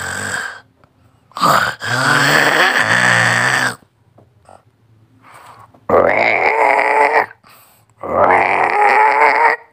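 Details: Snoring sound effect: continuous snoring.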